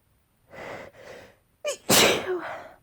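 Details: Sneezing fit: two soft breathy sounds, then a sharp gasping intake and one forceful explosive sneeze; a single wet sneeze.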